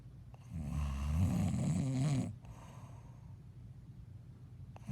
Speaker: Made a movie of you snoring.